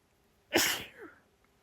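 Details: Woman's harsh, urgent sneeze, one of a mix of open and half-covered sneezes: a single sharp, forceful sneeze with a quick intake and explosive burst, then a short trailing breath out; sneezing.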